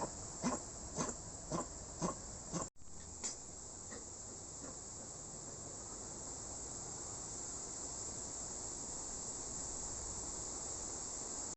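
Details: Rescued dog with kennel cough (infectious tracheobronchitis): a quick run of about six short, harsh, honking coughs, then steady hiss.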